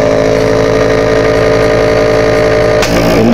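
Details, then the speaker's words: Steady buzzing motor hum of a nebulizer compressor run without hose or mask, outlet covered by hand, changing pitch near the end; faulty unit that intermittently stops, possibly clogged. "inala saay may-maya mamamatay minsan tuloy minsan mamamatay or nag humihinto yan humihinto"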